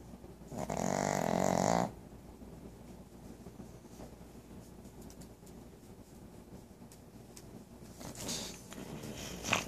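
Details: Pug dog Rosy snoring loudly while asleep: one loud rough snorting breath, then quiet breathing and a fainter snort at the end; dog snoring.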